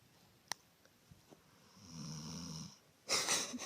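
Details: Sleeping dog snoring: a single brief low snore between faint clicks, followed by a louder noisy burst.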